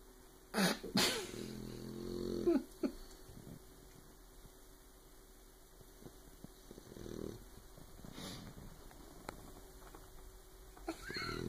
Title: Snoring puppy